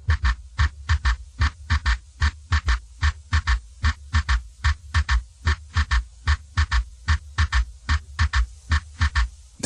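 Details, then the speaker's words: Stethoscope bell placed lightly on the apical impulse, patient rolled partway onto his left side: regular low heartbeat near 74 a minute with a soft extra thud after S2, an S3 gallop that disappears with firm bell pressure. "then we check the position of the apical impulse and place the Bell lightly on it if the patient had an audible S3 it would sound like"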